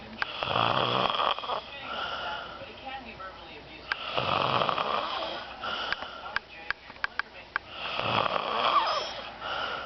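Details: Rough, rattling snores at about 16 per minute, with scattered clicks and small room noises between them: snoring.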